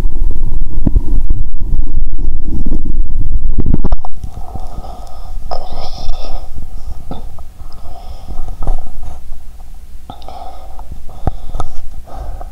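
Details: Bowel sounds heard through a stethoscope on the belly, audible even near the heart and clearer without pressing hard: heavy low rumbling then softer bubbling gurgles, active borborygmi.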